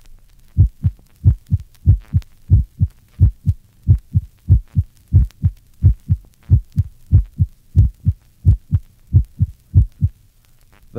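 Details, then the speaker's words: Normal subject after vigorous exercise: quick, regular heartbeat near 95/min with a loud, sharp first heart sound. "the next illustration records the loud first heart sound in a normal subject following vigorous exercise"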